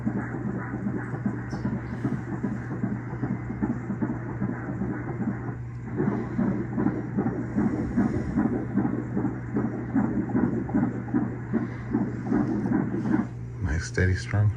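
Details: Normal fetal heartbeat on Doppler at the baby's first ultrasound: rapid, regular whooshing pulses at about 150 a minute, steady and strong.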